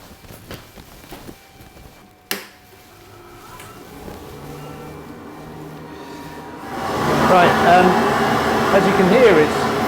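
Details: BOFA Dental Aerosol Pro local exhaust unit switched on in a dental surgery with a patient seated for a vape-smoke aerosol test: a few clicks, a rising hum, then a loud steady blowing roar.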